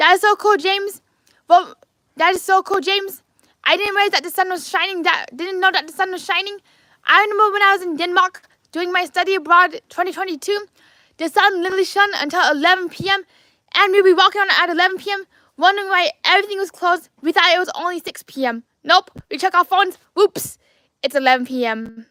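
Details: Adult man with lifelong apraxia of speech, diagnosed at age four; apraxia of speech.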